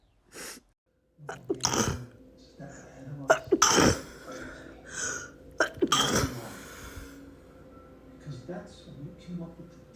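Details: Several explosive sneezes from a girl, some preceded by a quick intake of breath, with brief voice sounds between them; sneezing fit.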